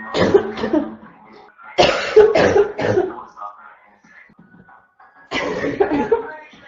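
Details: Female with a constant barking cough: bursts of harsh, hacking coughs in quick runs of two to three, separated by pauses.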